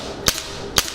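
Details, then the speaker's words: Pneumatic radial shockwave therapy device applied to the user's own leg: two sharp, loud cracking pops about half a second apart over a steady hiss. "I can't feel much it's not really strong but if I change the frequency are gonna go to do as much much stronger"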